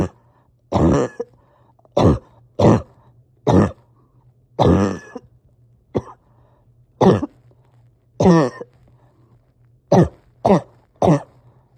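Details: Repeated cough with breathing difficulty in a person struggling to rest or get comfortable: about a dozen harsh cough bursts with strained, effortful breathing between them, a steady low hum behind.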